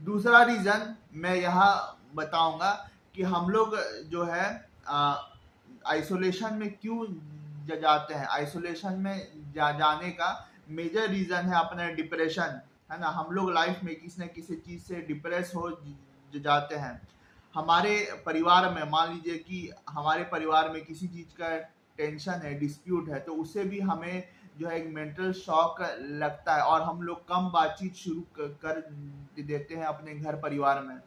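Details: Stammering in a man who stammers and reports that it can suddenly worsen with isolation, depression, stress and heavy responsibilities.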